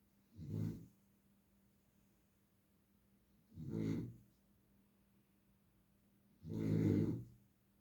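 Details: Three low, rough snoring breaths at irregular spacing, about 20 a minute, over a faint steady hum; snoring.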